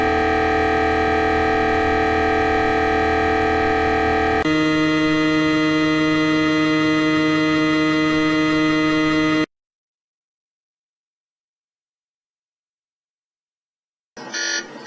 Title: MRI Scan Sound Effects